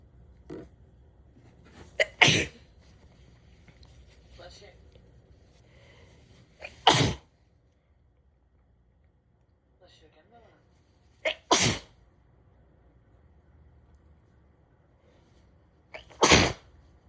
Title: 12/27/22, harsh, crazy sneezing fit w/ gf